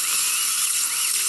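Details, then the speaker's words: Steady high-pitched whine of a dental drill with hissing water spray, sectioning a wisdom tooth into pieces for extraction. "you're gonna feel a little bit of vibration and a lot of water springing just like I said you're gonna trim the tooth a bit"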